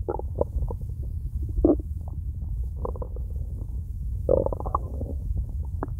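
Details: Loud low gurgling and rumbling in irregular bursts from an empty belly, nothing eaten yet that day; normal hunger stomach growling (borborygmi).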